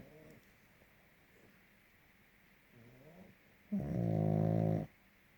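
Quiet breathing, then one loud, drawn-out rattling snore from a small flat-faced dog; snoring.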